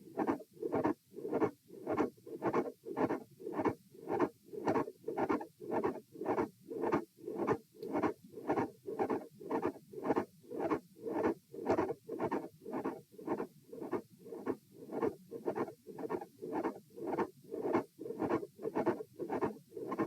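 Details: Heart sounds recorded at position A during a posture stress test (lying, then sitting, standing and lying again): a mid-systolic click with a fixed split S2.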